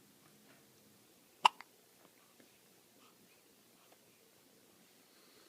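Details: Person with hiccups: one sharp, abrupt hiccup burst with a faint follow-up click in a quiet room.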